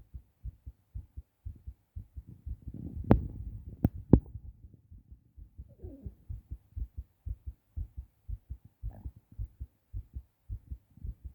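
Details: Adult male's pounding heartbeat recorded while he was sick, just after a hard cough: steady paired thumps at roughly 60 to 70 per minute, with a few sharp knocks and rustles early on.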